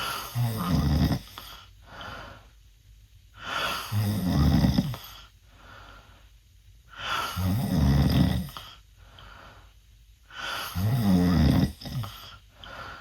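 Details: 16-year-old male sleeping with mouth open, snoring worse than a previous recording: loud, rough rattling inspiratory snores about 17 breaths a minute, quieter exhalations; heavy snoring.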